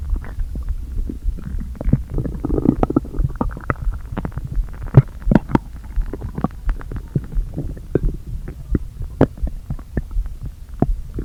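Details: Stomach noises after not eating all day, with the stomach deliberately inflated a little: loud, frequent gurgles, groans and pops of gas moving through the gut; active borborygmi.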